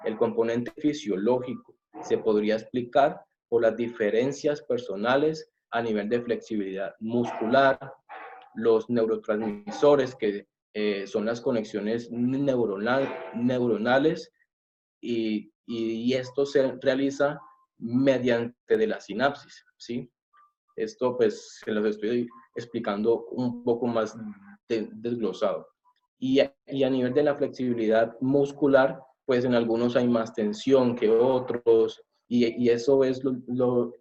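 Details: Adult man who says he is a person who stutters, giving a Spanish-language presentation; stuttering.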